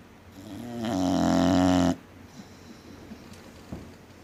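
One long, loud, buzzing snore on the in-breath, then quiet: heavy snoring from a flat-faced dog.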